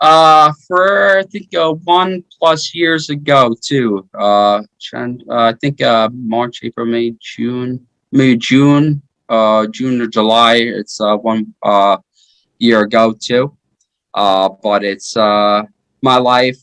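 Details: 33-year-old man with aphasia after a stroke in 2019, which followed repeat heart surgery that year; earlier heart surgery at age 16; initially unable to speak or move; aphasia.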